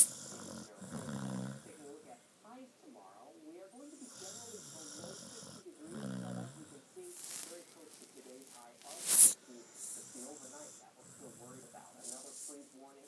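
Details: Irregular rattling, snorting snores with whistly breath noises and occasional louder snorts, loud enough to wake someone; snoring during sleep.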